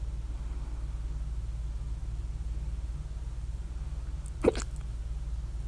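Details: A single sharp, abrupt hiccup over low room hum; hiccups at 3:04 A.M. after overeating at dinner, mouth alternately closed and open, very loud hiccups with mouth open.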